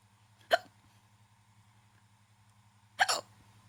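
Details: Hiccups after eating: two abrupt, sharp gulping sounds about two and a half seconds apart over a low steady hum; typical hiccups.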